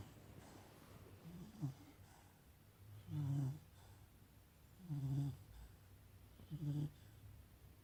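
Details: Dog snoring: soft, low snorting snores from a sleeping dog, about 35 breaths a minute.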